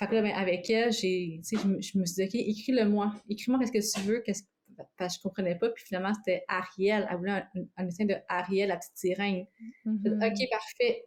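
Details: Adult woman living with both stuttering and cluttering, both reported to worsen with strong emotions, stress or fatigue; cluttering with stuttering.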